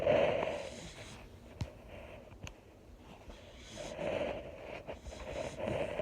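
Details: Mini or English bull terrier relaxing and snoring: rough, rattling breathing in slow cycles, louder on each inhalation; snoring in a sleeping dog.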